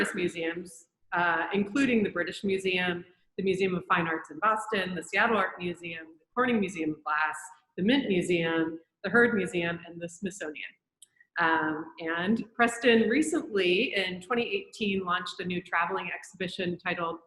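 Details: Adult woman speaking; Normal speech.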